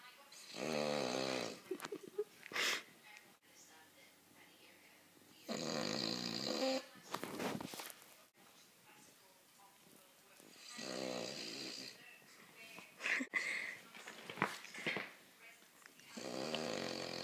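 Loud, rough snoring from a sleeping dog, with long rattling breaths in and whistling, snorting sounds between them.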